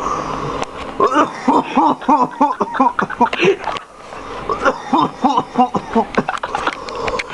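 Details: A dog gives two bouts of rapid, repeated honking, hacking coughs, each a rhythmic string of voiced bursts, with faint room noise between; cough.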